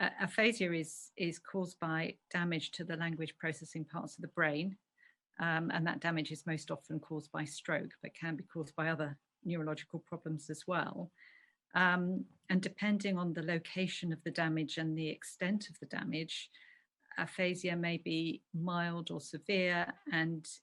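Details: Adult woman speaking; normal speech.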